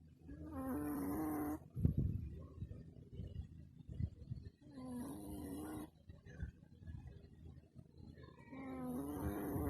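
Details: Snoring in a sleeping Shih Tzu: drawn-out, whistling, droning snores every few seconds with snuffling and small noises between.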